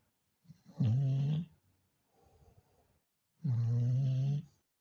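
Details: Pumpkin snoring: two deep, buzzing snores with a quieter breath between them in a small quiet room; plain snoring.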